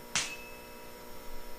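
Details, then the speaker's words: Tuning fork held by the handle and struck sharply on its prongs with the palm, a slap then a faint high ring fading quickly, before Weber test on the forehead: tuning fork strike. "Se debe sostener el diapasón por el mango y dar un golpe seco, golpeando las ramas con la palma de la mano."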